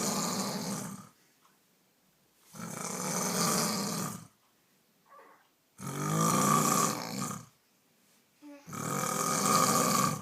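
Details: Extremely loud snoring that wakes a baby: rough snores about one and a half seconds each, around 19 a minute, near silence between breaths; heavy snoring.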